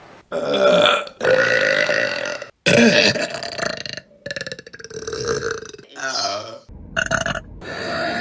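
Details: Several loud, drawn-out voiced belches from women in a compilation clip, one after another with short pauses; repeated burping.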